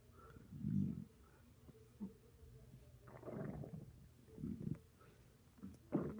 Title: My stomach growling